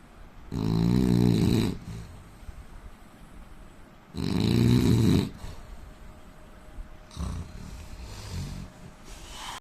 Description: indian man snoring sound asmr soud problem